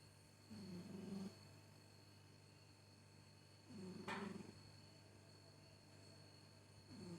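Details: Cat, 8 or 6 years old, snoring in sleep; owner worried snoring may signal ill health: soft, low, rattly snores about every three seconds over steady room hum.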